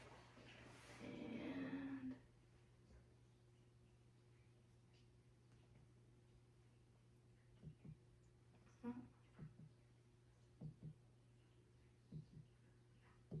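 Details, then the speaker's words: A series of light percussion taps over the right upper abdomen to measure liver span during a physical assessment, with the tone changing from resonance to dullness at the liver border; steady room hum. "And then I'm also going to percuss over your liver, kidney, and spleen, and we actually need to figure out how big the span of your liver is."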